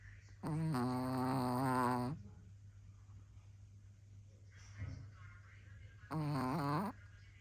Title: Who says only men snore?